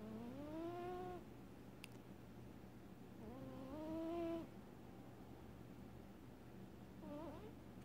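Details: Pet cat snoring while asleep, described as very loud; snores only sometimes when he sleeps.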